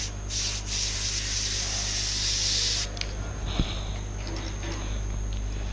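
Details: High steady whine of a dental handpiece with grinding bursts, then a quieter stretch, preparing a mesio-occlusal cavity: distal marginal ridge dovetail, tapered flared walls wider than an amalgam cavity, and the proximal box.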